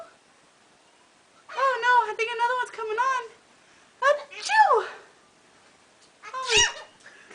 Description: This is Peach our Blue crown. She is copying our sneeze.